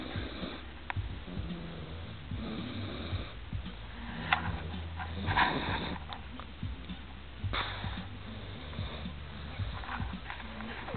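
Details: Cat sleeping in a quiet room, snoring with soft, low rumbling snores and faint sniffing; harmless snoring.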